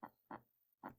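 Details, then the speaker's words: Normal heart sounds played as a reference: paired thumps in a lub-dub rhythm, two clean heart sounds. "we're gonna listen to the heart sounds okay so your heart should sound like this"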